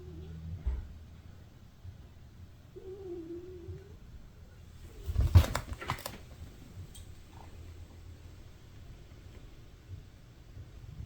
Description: Get ready to be charmed by this video of my sleeping cat snoring and making all sorts of cute noises!